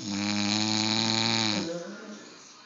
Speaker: She's sleeping and snoring. She's sleeping and snoring.